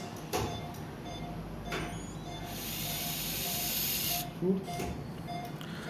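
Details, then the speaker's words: During volar ORIF of a scaphoid nonunion with avascular necrosis, with distal radius bone graft, a powered driver makes a sustained hissing whir of about two seconds, with short bursts before and after, placing K-wires from distal to proximal pole under C-arm guidance. "So after that I have placed K-wires from distal pole to proximal pole under the CM guidance."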